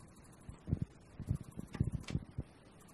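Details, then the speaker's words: Medela electric breast pump switched on for a noise comparison with the quieter Spectra S2; soft, low rhythmic thumps about twice a second over faint room noise, the pump cycling. "so this is my medela over here and I'm going to turn it on so that you can hear what it sounds like"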